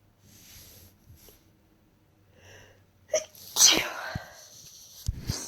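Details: Person with a cold for a few days, tickly nose, sneezes partly self-induced: soft breaths then two sharp, hissing, fairly weak sneeze bursts in quick succession.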